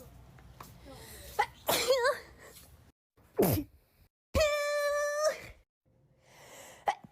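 Several separate sharp sneezes, some with a drawn-in breath and a voiced cry-like sneeze sound, in a quiet room.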